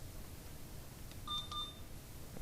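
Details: Alaris IV infusion pump during a start-up in-service, rate set at 999 mL/hr for a bolus: two short electronic beeps as the start key is pressed; keypad confirmation tone.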